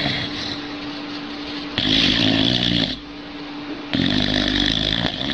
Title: Sleeping Dogs snoring and makes funny sounds!